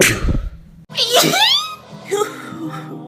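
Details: A sharp burst of air and voice, a single sneeze, followed by brief vocal sounds over light background music; comedic sneeze compilation.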